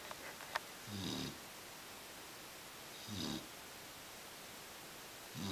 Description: My black lab puppy sleeps on his back and snores... too funny!